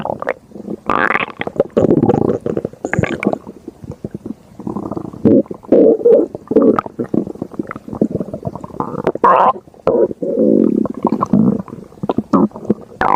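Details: Loud, continuous gurgling and rumbling from the belly with bubbling bursts; stomach growling.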